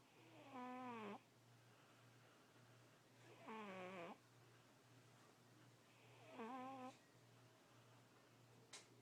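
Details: Snoring: three drawn-out, whiny snores with a falling pitch, about three seconds apart (roughly 20 a minute), over a steady low room hum.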